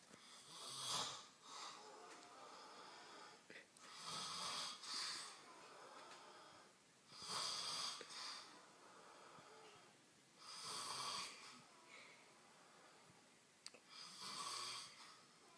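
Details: Sleeping man: harsh, hissing snores on each breath, about 18 a minute, with quiet pauses between; loud snoring.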